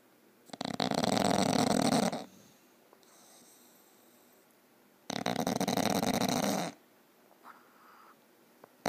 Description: Bulldog snoring LOUDLY